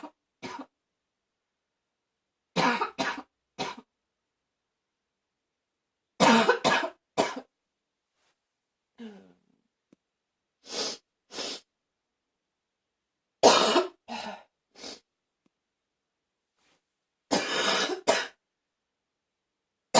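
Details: Repeated harsh barking coughs in short clusters of two to four, with quiet breaths between bouts.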